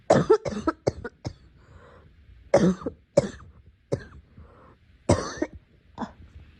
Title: Girl coughing 148